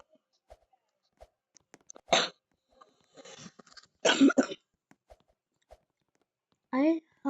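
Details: Person with cough and runny nose; two short harsh coughs amid quiet room sounds, then a brief spoken word; cough.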